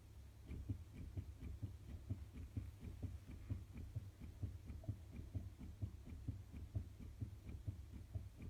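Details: Fetal heartbeat in the womb recorded with a Doppler heart monitor, played into a 1.5-inch pan of blood-mimicking fluid for cymatics: rapid, regular whooshing thumps.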